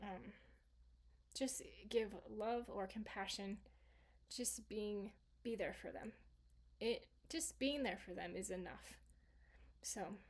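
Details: Woman, stroke survivor 26 years after the stroke, with residual aphasia from an originally global aphasia; residual aphasia.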